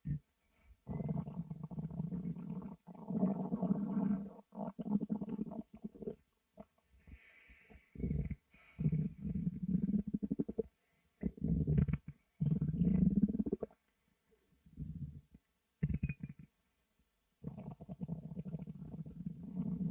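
Repeated low gurgling and rumbling bursts with pauses, typical of stomach growling from moving gas and fluid in the gut.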